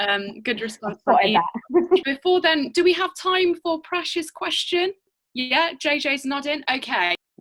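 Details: Adult female interviewer; ordinary speech.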